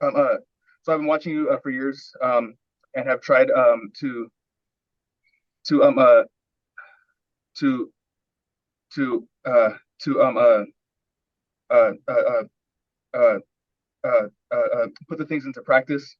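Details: Adult man with severe stuttering with speech blocks and pushing words out, recorded at an early coaching session before smooth speech training; repeated filler sounds and repeated words are heard; stuttering.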